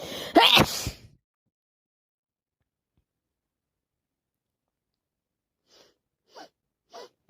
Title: More my cold sneezing it won't stop tonight